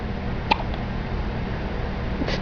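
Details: Hiccups: two brief, abrupt hiccup sounds about two seconds apart over a steady low background hum; ordinary hiccups.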